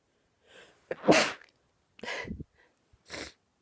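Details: Woman with an itchy throat in a quiet room: sharp in-breath, then a forceful sneeze followed by two smaller sneezy bursts and a sniff; ordinary sneezing.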